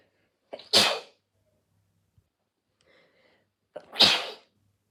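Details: Induced sneezing: two sharp, explosive sneezes, each led by a brief inward catch of breath, with quiet between them.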